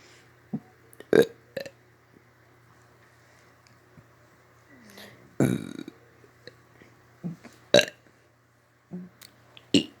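Repeated short, low burps of varying loudness over ten seconds, with faint steady hum and room noise behind.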